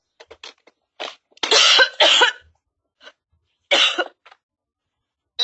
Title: SHAKE RATTLE AND ROLL COUGHING SCENES